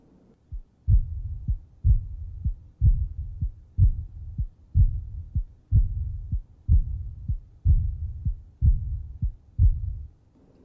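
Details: Aortic regurgitation: regular heartbeat near 62 a minute, each beat followed by a soft blowing diastolic decrescendo murmur fading across the pause.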